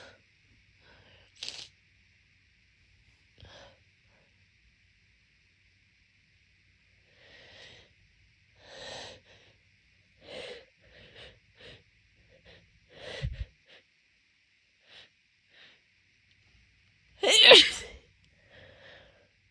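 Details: Person with allergic rhinitis waking congested daily for a month, before morning meds: congested sniffs and snorts build to one forceful wet sneeze, nasal breathing before and after; phone resting on leg.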